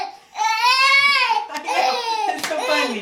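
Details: Loud, high-pitched, sustained cries from a baby boy with hiccups, broken by short breaths; infant crying.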